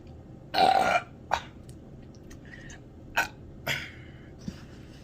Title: Drinking Dr. Pepper +Loud Burping